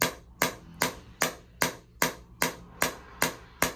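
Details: Sharp, evenly spaced clacking pulses, about 150 a minute, from a shockwave therapy device during a second session on a former runner's left SI joint, hip and lower back for a long-standing left hip problem; patient rates sensation about 3–4.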